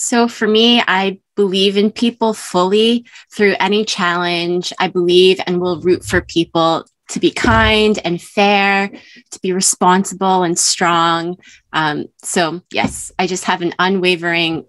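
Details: Adult woman speaking; typical speech.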